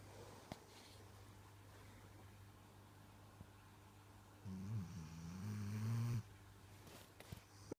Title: Dog snores like human